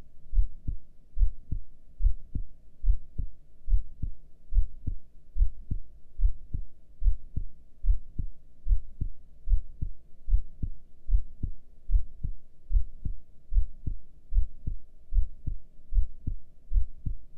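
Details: Normal heart sounds recorded during a breath hold, with a heart rate display: regular low heartbeat thumps at about 74 beats a minute with a soft background hum.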